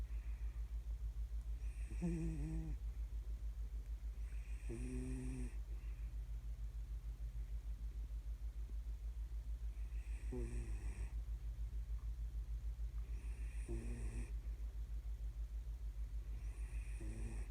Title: Guess Who’s Snoring?